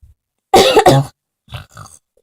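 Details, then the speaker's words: Coughing by a tired person lying in bed and filming overnight to check whether they snore: two harsh, forceful cough bursts, then two quieter throaty grunts like throat clearing. "I'm just kidding I'm not really sleep I'm coughing anyway SHO so tired"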